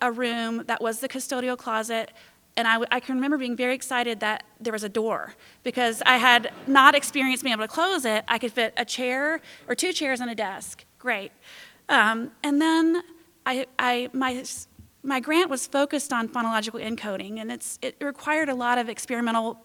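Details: Stuttering in a girl who identifies herself as a person who stutters.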